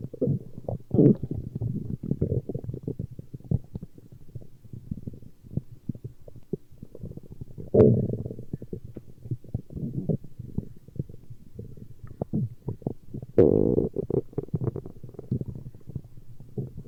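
Low gurgling and rumbling runs throughout, with louder surges near the middle and end: stomach growling, ordinary bowel sounds.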